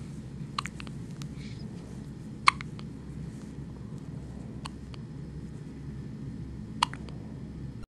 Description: is only a few hours old and has the hiccups